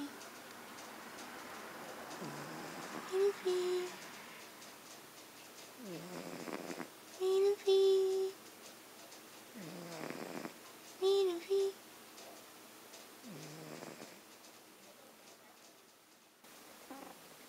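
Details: Female Norwegian Forest cats sleeping, one snoring much louder than the other: slow rhythmic rasping breaths with a loud, low, foghorn-like honking tone on several breaths; cat snoring.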